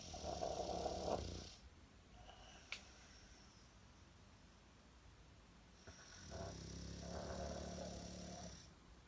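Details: Bulldog in deep sleep: two long, low rattling snores separated by a quiet pause, typical flat-faced dog snoring.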